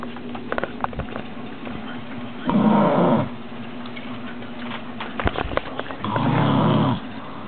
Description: Listen to this woman snoring like an animal.